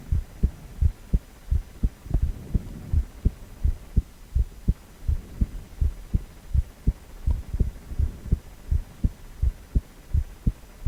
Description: 4-chamber View of male heart with heartbeat sound.